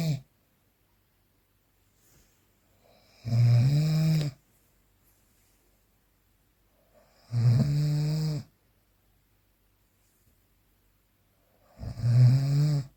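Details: Real, unprocessed recording of snoring during sleep: low, rattling snores about one second long, roughly every four seconds (about 15 a minute), with quiet breathing between.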